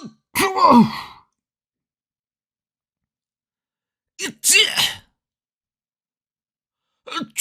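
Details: Three separate sneezes in different styles, each a short intake and explosive burst separated by silence, from a sneeze sound collection of different people; sneeze.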